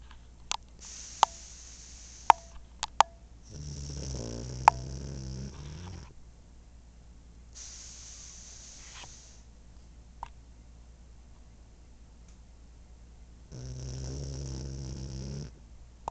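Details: Pug asleep, snoring with buzzing, low snores a few seconds long, separated by pauses and soft snorts: small dog snoring.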